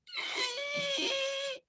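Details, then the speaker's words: Stridor, described as an upper-airway sound from swelling or obstruction, as with a foreign body or croup, in a respiratory review for nursing students. "So, stridor is upper airway. It means like this airway right here is like swelling or obstructed."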